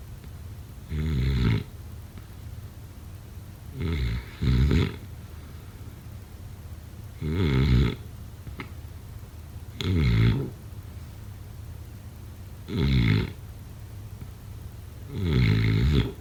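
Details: Loud rattling snores on each breath in, about 20 a minute, with quiet breathing out between; snoring during sleep.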